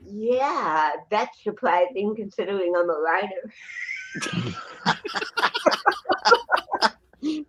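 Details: Adult woman with cerebral palsy, who also has a 75% hearing loss and wears hearing aids, speaking in a real interview; finding: dysarthria (cerebral palsy).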